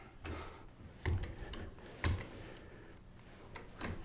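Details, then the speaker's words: Slow, irregular mechanical clunks and ticks, about one a second, as the handle of a Hoyer mechanical lift is slowly pumped to raise a female patient just clear of the bed; mechanical patient lift being pumped. "to lift the patient off the bed support her head widen the legs of the lift for stability begin to lift by slowly pumping the handle lift only as far as necessary just enough to clear the bed"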